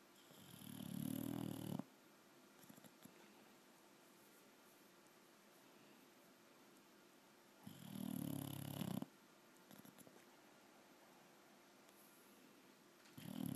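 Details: Low rumbling snores on each breath, about ten a minute, with quiet pauses between, after a rough day: snoring.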